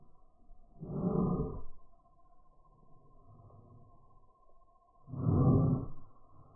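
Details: Shadow, a Labrador dog, breathing calmly, recorded in slow motion: two soft, low whooshing breaths a few seconds apart over a faint steady hum; normal breathing.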